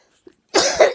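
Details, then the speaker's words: A single loose, harsh adult cough in a quiet room: 12-week productive cough bringing up white foamy sputum, triggered by talking, exertion or air conditioning; patient suspects viral pneumonia. "uh I keep coughing up uh white foamy and when I get all of that out of my lungs I'll get a little rest but until I get all of that out of my lungs I just cough cough cough"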